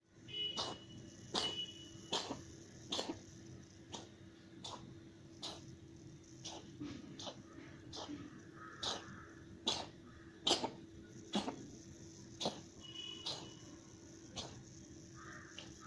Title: Mother cat coughing severely